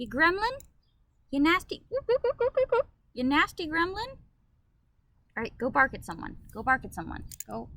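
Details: Female living with Tourette syndrome, who also reports ADHD, OCD, SPD and depression; interjected phrases such as 'you nasty gremlin' and 'go bark at someone'; vocal tics (Tourette syndrome).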